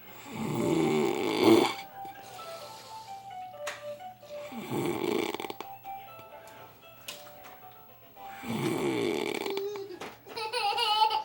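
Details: Adult man deeply asleep after hard work and heavy drinking: very loud, harsh, rattling open-mouthed snores about every four seconds (roughly 15 breaths a minute), with music in the background.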